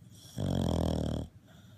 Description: Our adorable Cavalier King Charles Spaniel takes a mid-morning nap before the Big Game.